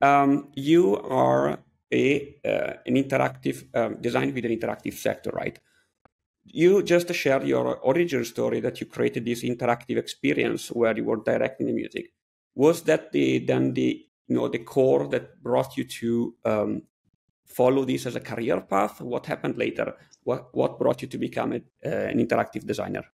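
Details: Adult man speaking; typical speech.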